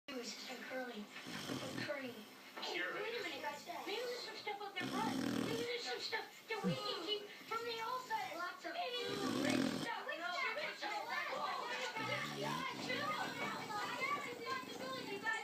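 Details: A chocolate Labrador snoring while asleep on a person's hand: loud rasping snores every few seconds with fluttering, whistly sounds between them, and a TV movie playing in the background.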